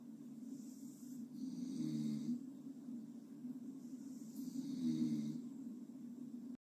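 Soft, steady snoring with a low hum. Two breath cycles about three seconds apart, roughly 19 breaths a minute. Gentle snoring.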